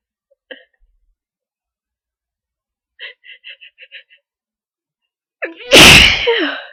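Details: Adult sneezing near the end of a cold, with long difficult buildup: quiet catching breaths and short voiced gasps, then one loud explosive sneeze.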